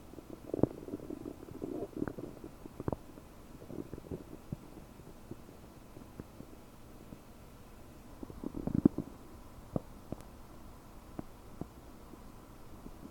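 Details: Belly recorded with a desktop microphone about 9 hours after eating 30 prunes; bloated, with frequent bubbly gurgles, rumbling and scattered sharp pops, i.e. loud, active borborygmi.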